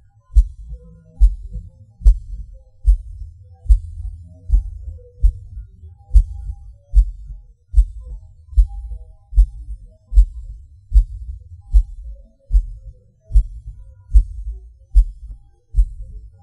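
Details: Person's own heartbeat with PVCs/PACs (stopping, skipping and extra beats), felt as a sudden rush or falling: heavy low beats around 74 a minute, unevenly spaced, with pauses and extra beats, an irregular rhythm from premature beats.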